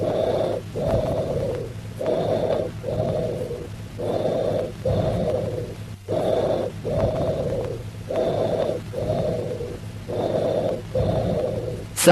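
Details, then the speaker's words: Tubular (bronchial) breath sounds, taught with patent bronchi: harsh, hollow, high-pitched breaths at about 30 a minute. Expiration is louder, higher pitched and as long as or longer than inspiration, with a clear pause between them. "Listen to the high-pitched tubular bronchial breath sounds. Also note the characteristics of bronchial breath sounds. That is, expiration is louder and higher pitched than inspiration."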